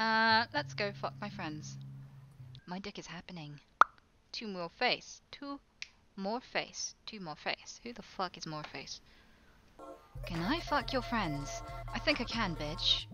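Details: Tourette syndrome vocal tics (coprolalia) in a female, involuntary inappropriate phrases, heard while she plays Overwatch.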